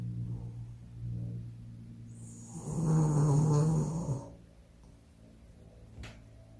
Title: My dog snores so loud that the house is shaking